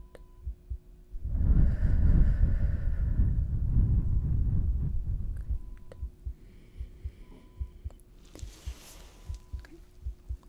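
Muffled stethoscope rumble, then soft regular low thumps of a heartbeat in a roleplayed chest exam.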